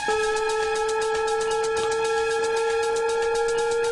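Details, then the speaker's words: Defibtech Lifeline DDU-100 automatic external defibrillator charging tone: a steady high electronic tone with fast pulsing warble after the voice prompts "Analyzing heart rhythm, do not touch the patient, shock advised, charging, stand clear". "Analyzing heart rhythm. Do not touch the patient. Shock advised. Charging. Stand clear."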